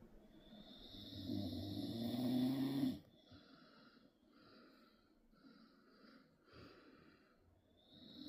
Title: dad snoring 😴